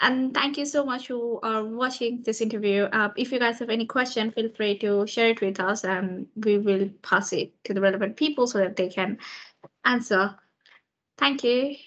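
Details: Adult woman speaking; Fluent speech.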